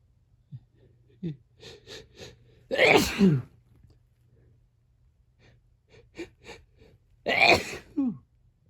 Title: Vacation sneezes